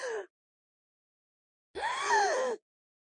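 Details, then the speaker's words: Lecturer imitating a child's laryngitis: a harsh, high-pitched, prolonged in-breath of inspiratory stridor with fewer breaths, from upper airway obstruction by inflammation or a foreign body, with suprasternal, intercostal and subcostal retractions. "吸气呈现一个三凹征，吸气像是延长的，因为他努力的抢吸气，所以呼吸的次数反而是减少的。还有一个高调的喉喘鸣，有可能是上呼吸道的炎症啊，或者是异物，都会引起上呼吸道的一个梗阻现象。"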